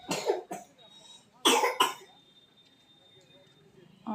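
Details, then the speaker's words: A young girl with fever, cold and heavy cough, on the way to the hospital, coughs in two pairs of harsh bursts, four coughs in all, with quiet room noise between. "और आप लोग सुनिए कि इतना खांसी हो चुका है, तो खांसी सर्दी सब बहुत ज़्यादा हुआ पड़ा है।"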